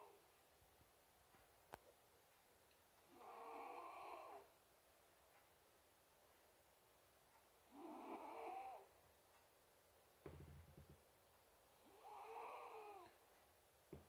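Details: Three soft, nasal snoring breaths, evenly spaced at about 14 a minute, with quiet gaps and faint background clicks; snoring.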